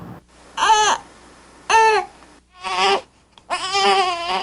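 Four short, tense 'eh' cries from an infant, the burp cry signalling trapped air after feeding.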